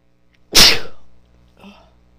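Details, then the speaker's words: Female sneezing from an irritated nose: one loud, explosive sneeze with a sharp burst of air fading over about half a second, then a faint breath; sneezing. "I guess my nose is really irritated. Bless me. It feels so good though."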